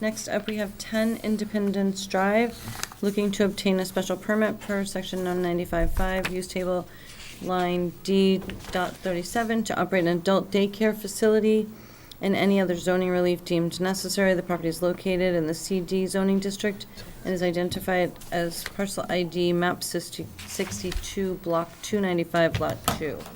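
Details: Adult speaker; normal voice.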